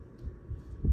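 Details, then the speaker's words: Normal heart sounds on nurse practitioner student's cardiovascular exam of consenting patient, stethoscope bell at right sternal border second intercostal space (aortic area): low dull thumps, no murmurs present. "now i'm going to go under your gown to the left external border on the fifth intercostal space on your tricuspid area and there's no murmurs present"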